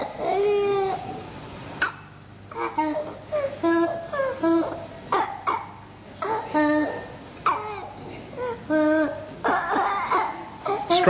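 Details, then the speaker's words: Child with moderately severe croup, asleep: repeated harsh, crowing, high-pitched stridor that is persistent and more marked on inspiration, showing upper airway obstruction. "is persistent and more marked during inspiration hmm oh during sleep the timing of the stridor during inspiration is now obvious"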